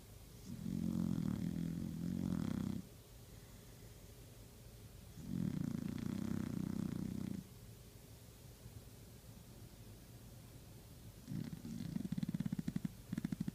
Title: Best pooch snoring video ever